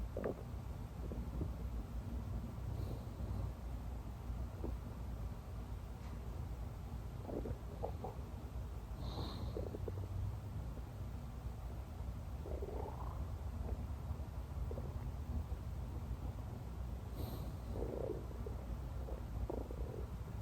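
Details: Stomach growls recorded while the person sleeps: scattered low gurgles and rumbles over a steady background hiss, ordinary bowel sounds (borborygmi).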